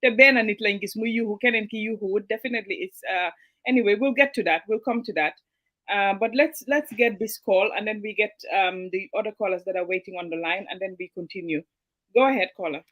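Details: Adult man speaking; normal voice.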